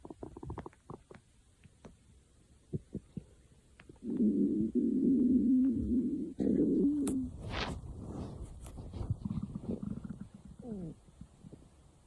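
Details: Stomach growling: gurgling, rumbling bowel sounds with a long low growl, then squeaks and bubbling pops.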